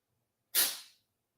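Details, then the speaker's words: Sick pet cat having a sneezing fit in the background: a single sharp, hissy sneeze fading over half a second. "I got a sick kitty having a sneezing fit right now in case y'all were wondering what that noise in the background is it's my sweet little shootie"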